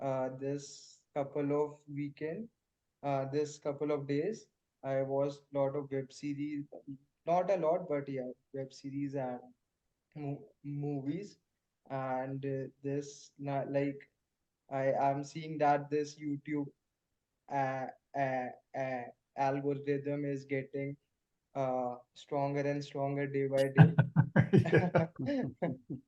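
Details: Male participant in a stammering practice group working on cancellation and pull-out techniques for stammering; stuttering.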